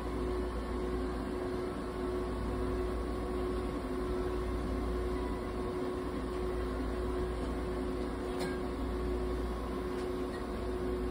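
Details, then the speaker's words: A budgerigar is treated in an ICU incubator that provides warmth, humidity and oxygen therapy. The sound is the ICU oxygen unit running. "接生インコたまちゃんの治療の様子です。ICU 内で保護室酸素療法を行っています。"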